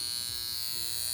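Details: Steady high-pitched electrical buzz with faint crackle, like a bug zapper, from a portable high-frequency skincare wand on its highest setting, being worked over the face, around the mouth, under the eyes, forehead and hairline.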